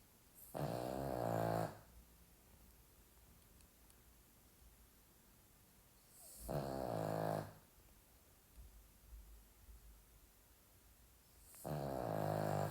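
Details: Sleeping Pomeranian dog snoring: three long, rattling, voiced snores about five seconds apart, each lasting over a second, in a quiet room.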